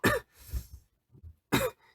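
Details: A TXT member coughing. His cold has otherwise cleared, including a runny nose, but the cough lingers. Two sharp coughs, each a loud burst followed by a short rough tail.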